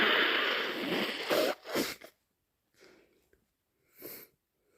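A loud, hissing explosive burst followed by a second blast, then quieter wet sniffs and a nose blow, fitting sneezing with a congested nose.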